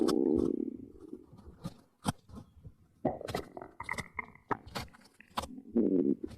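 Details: Gurgling, rumbling belly noises with bubbly pops, recorded close to the abdomen for ASMR stomach monitoring; normal bowel sounds (borborygmi).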